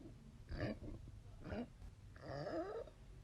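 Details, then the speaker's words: Three low, croaking, gurgling throat noises in a person with retrograde cricopharyngeus dysfunction (inability to burp): air seeping past a tightly closed cricopharyngeus muscle. "what's happening here is that because this muscle right here is so tightly closed air makes a noise when it seeps out think of it like when you hold the end of a balloon you'll get these really weird sounding noises as the air passes through the muscle"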